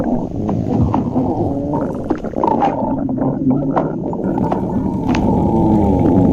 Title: stomach growling